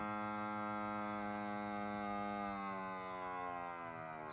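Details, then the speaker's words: Wound vacuum pump: portable Prevena wound VAC on a finger skin graft after traumatic finger amputation salvage; steady motor hum dropping slightly in pitch and loudness toward the end, confirming a good seal. "so that's good so we know we got a good seal"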